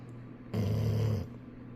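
One loud, low, rumbling snore from a sleeping dog, lasting under a second.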